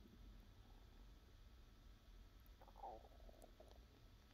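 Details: ASMR recording of a hungry person's own belly (hunger pains, digestion): low background rumble, then a short gurgling, growling bubble; ordinary hunger borborygmi, stomach rumbling.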